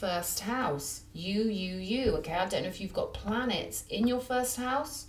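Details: Adult woman who says her stuttering is part of her PTSD and worsens during psychic readings; stuttering with word repetitions.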